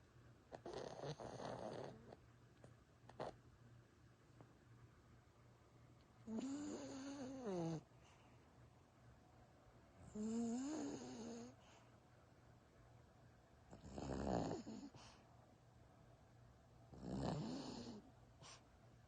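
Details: Slow, rough snores with some whistling tones, about five over nearly twenty seconds, with quiet breathing between; snoring.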